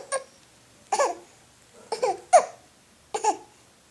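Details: Hiccups while talking: five short, sharp voiced gasps spaced about a second apart, each an abrupt catch with a brief vocal squeak.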